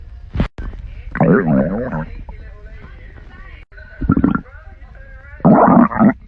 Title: tiktok girl's stomach growling 3